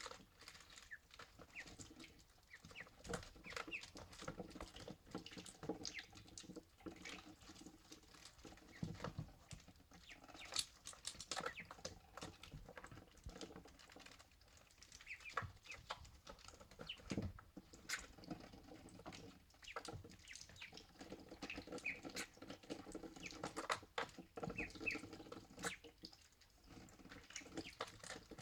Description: They take a drink and then sneeze to clear their nostrils.